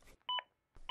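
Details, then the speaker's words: Zoll AED Plus CPR demonstration: short double electronic beep, the real-time feedback tone confirming chest compressions have again reached at least two inches deep after a push-harder prompt. "if your compressions aren't at least two inches deep the aed plus will let you know the aed will let you know every 15 seconds if you don't reach the target cpr depth"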